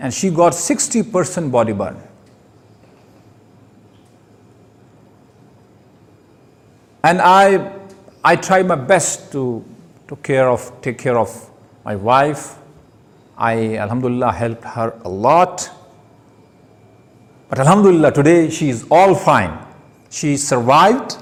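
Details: Stuttering in a male speaker giving his first public speech at a Toastmasters club, with word repetitions.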